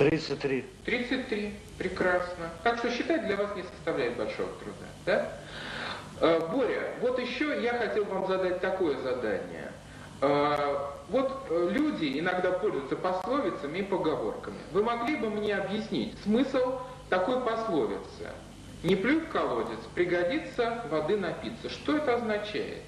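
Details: Adult male interviewer (clinician); normal adult speech.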